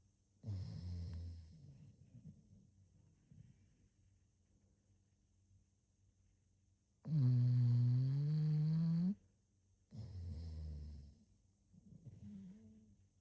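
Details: A male bulldog snoring while napping: slow, low rumbling snores with one longer tonal, whining snore in a quiet room.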